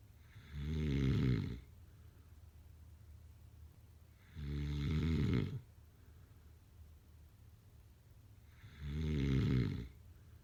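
Three loud, low, rattling snores come on the breath in, about 14 a minute, with quiet breathing between them. The finding is snoring.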